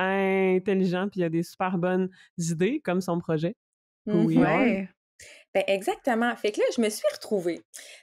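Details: Adult woman, a speech-language pathologist who stutters, speaking conversationally in French; stuttering.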